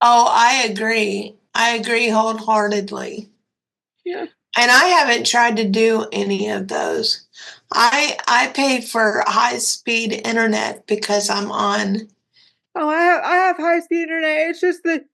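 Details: 56-year-old woman with cerebral palsy and quadriplegia; a commenter has said she sounded like she was having a stroke; dysarthria (cerebral palsy).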